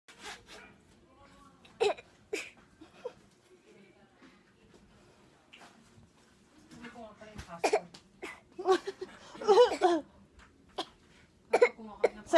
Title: She pretends she has a cough..